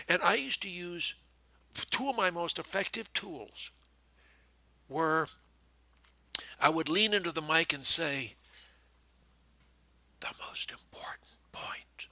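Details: Adult man speaking; ordinary speech.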